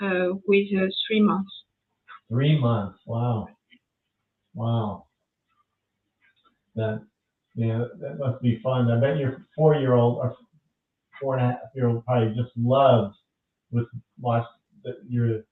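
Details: French woman with lasting language difficulty after an ischemic stroke at age 22 in July 2011, initially mute for 10 days, one year of rehabilitation; post-stroke aphasia.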